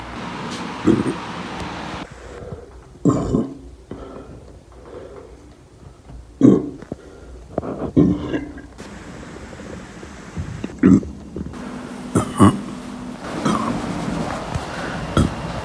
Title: Femboy burps !!